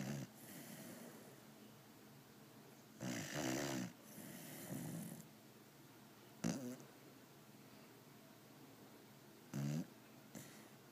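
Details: A sleeping pitbull snoring very loudly, with irregular rough snorting snores a few breaths apart, some with a fluttering rattle.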